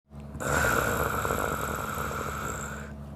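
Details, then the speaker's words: One long, rough, rattling breath noise of about two and a half seconds, an acted imitation of snoring by a woman: snoring. "क्या मैं खराटे दे रही थी?"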